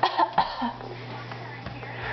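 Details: An infant boy gives about three short, light coughs on request during peekaboo play: a pretend, voluntary cough, not an illness sign.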